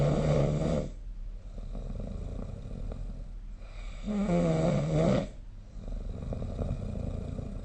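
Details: Sleep snoring recorded with the SnoreLab smartphone app: loud, rattling snores with a low vibrating tone on each breath over steady background hum.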